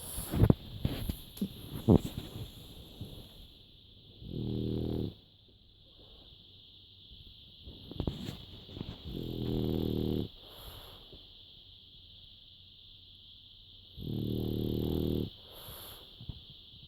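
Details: Three loud, rattling, buzzy snores, each about a second long, at intervals over a steady background hum; a man snoring loudly enough to keep someone awake.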